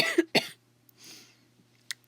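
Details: Two quick, dry hacking coughs close together, then quiet; brief throat-irritation cough from a person talking while gaming, who says it is not COVID.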